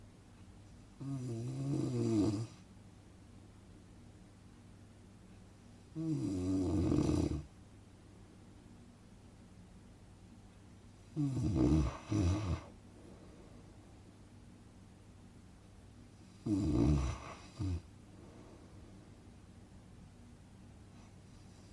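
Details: Snoring: regular low, rattling snores on each in-breath, about 12 a minute, with quiet pauses between.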